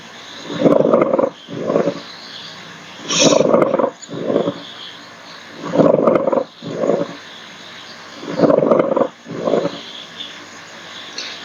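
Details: Pleural friction rub in a nursing exam teaching clip: rough grating bursts in pairs with each breath in and out.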